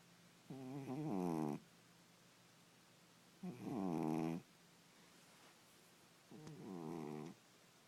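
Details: Three buzzing, purring snores about every three seconds in a quiet room from a sleeping cat: ordinary snoring.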